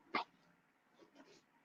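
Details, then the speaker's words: Small caged pet, apparently the father of a litter, gives a single sharp, brief burst, possibly a sneeze or a cough, followed by faint rustling; sneezing. "Actually, it looks like it's the dad making that noise. Like he's sneezing."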